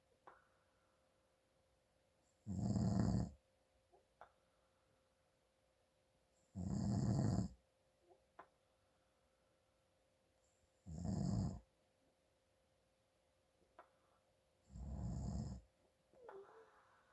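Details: Adult father snoring from nasal congestion: four loud rough inspiratory snores, about 15 breaths a minute, quiet gaps between.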